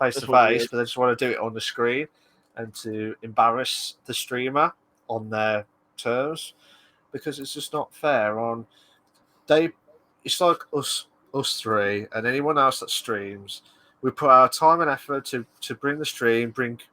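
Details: Adult male speaker; Normal conversational speech.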